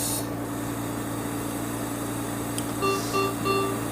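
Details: Three short repeated electronic beeps over a steady machine hum and faint music: SERVO-i ventilator alarm, triggered on purpose by narrowing the alarm limits in pressure control/support mode during a new-nurse training demonstration.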